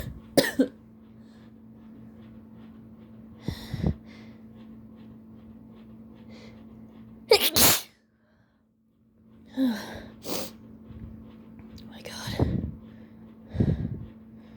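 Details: Several forceful sneezes with gasping build-ups between them over a steady room hum, with allergies and a new irritant as triggers; repeated sneezing.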